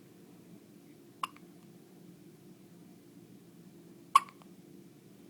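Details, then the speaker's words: Two abrupt, short hiccup sounds about three seconds apart in a quiet room. Hiccups. "Say hi, everybody. Say I have the hiccups."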